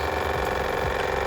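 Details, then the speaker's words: Waterpik water flosser in floss mode: steady buzzing motor hum as the water flow on the handle is turned on and checked with a finger before use; the water still feels cold. "so unit on we're in floss mode and we're going to turn on the water flow on the handle okay that's still cold"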